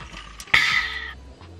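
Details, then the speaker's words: Adult woman just after finishing a footlong sub at brunch: a brief squeaky, gurgling stomach growl about half a second long; normal stomach growling (borborygmi). "Do you guys hear that? My stomach started growling. I already fed you, relax."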